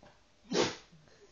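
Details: A single short, sharp sneeze from a Jack Russell terrier dog sneezing on demand in a sneezing game, in a quiet room.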